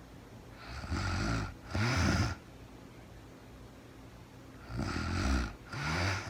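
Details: Real-time recording of a woman asleep at night after being very tired, no talking, described as REM sleep: two pairs of rough, low snores with quiet pauses, about 20 breaths a minute, in a quiet room; snoring.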